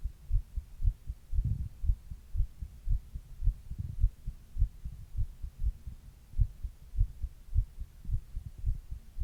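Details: Adult's own heartbeat recorded while quietly reading, in a 28-minute session that included a 102°F fever in its middle third: steady low thumps at roughly 70 to 80 beats a minute with a soft hum behind; normal heart sounds.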